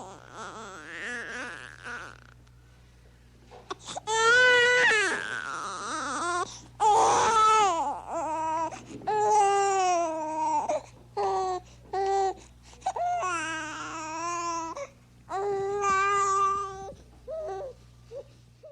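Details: Sound-effect recording of an infant crying in repeated wailing bursts with short gasping pauses; infant crying.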